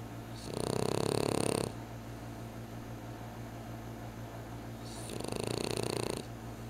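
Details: A sleeper in a deep snooze on a Saturday afternoon, snoring: two long, loud rattling snores about four seconds apart with a quiet pause, steady room hum underneath.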